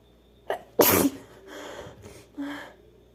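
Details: Sneezing (F), one of a series of sneezes: a short breathy intake, then one explosive sneeze, followed by quiet breathing and a soft vocal sound.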